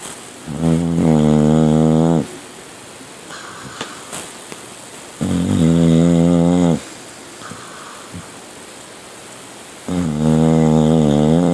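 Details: Milton snoring at night, on the couch or usually in the owners' bed; three loud droning snores about two seconds long, one every four to five seconds, with quiet gaps: regular snoring.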